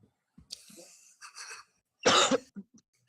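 Breathy rough coughing sounds building to one loud cough, with small throat noises after, in a quiet room.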